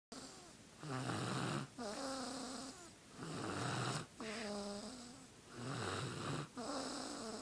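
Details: Sleeping baby: soft, rhythmic snoring with a buzzing, vibrating quality on each breath, roughly 25 breaths a minute, in a quiet room; snoring.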